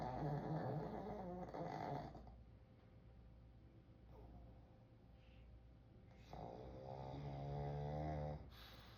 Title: Rotten dogs snoring